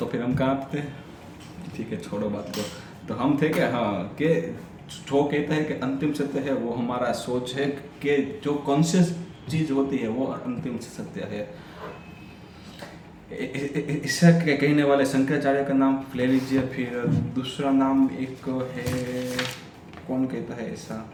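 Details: Adult man who stammers reading a story aloud in Hindi on day 6 of a daily stammering practice routine, with repetitions and revisions audible; finding: stuttering.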